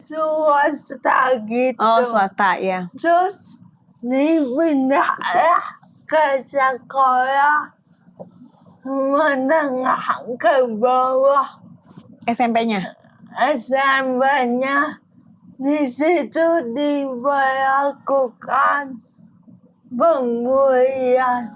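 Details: Dysarthria in an adult woman with cerebral palsy affecting gross and fine motor skills.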